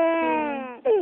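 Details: Baby crying in church: a sustained, tonal wail with slightly falling pitch, then a brief gasp and renewed cry; infant cry.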